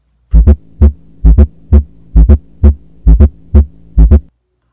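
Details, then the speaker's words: Stethoscope demonstration in a cardiac examination OSCE: regular low heart sounds at about 66 per minute, with a soft extra beat just before S1, a fourth heart sound (S4). "S4 comes before S1, and it sounds like"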